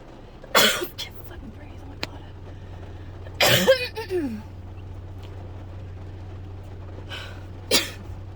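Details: Dry coughing fit in someone who woke up coughing, apparently getting sick: three harsh, dry cough bursts over background traffic hum, no wet or rattling quality; dry cough.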